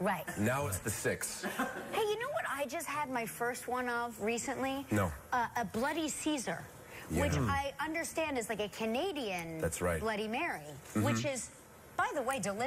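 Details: Adult woman speaking; normal voice.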